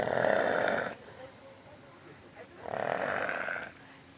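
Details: Male who fell asleep in a pool after swimming, snoring: two loud, rough, raspy breaths about two seconds apart with quiet between.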